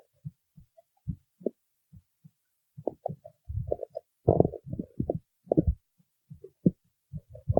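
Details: Stomach growling (borborygmi): irregular low gurgles and rumbling bursts from the belly as gas and fluid move through the gut.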